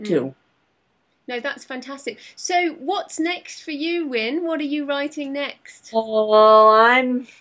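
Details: Adult interviewer; normal speech.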